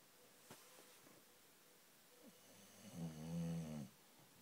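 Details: Two-year-old bulldog napping: quiet room with faint breathing, then one loud, low, rattling snore on an in-breath; snoring.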